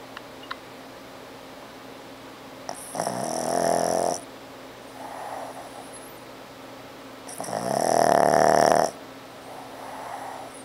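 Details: Snoring, which the owner attributes to a squishy face: two loud, rattling snores on the in-breath with quieter out-breaths between, in a quiet room.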